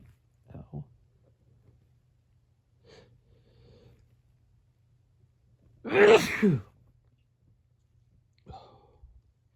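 One loud, forceful sneeze burst in a quiet room, with a few soft breaths and small vocal sounds around it.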